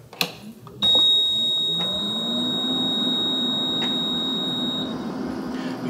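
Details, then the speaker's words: AirSep VisionAire 5 stationary oxygen concentrator switched on with a nasal cannula attached: a click, then a continuous high-pitched beep for about four seconds over a rising motor hum; normal start-up alarm. "just get it first come on and you're going to hit our alarm perfectly normal"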